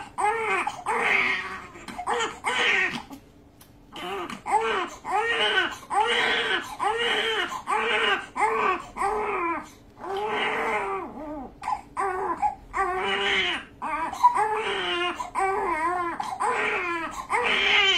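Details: Newborn crying hard during circumcision: rapid, repeated high-pitched wails with brief gasps between; infant pain cry.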